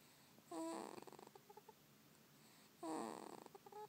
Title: SNORING BABY (-;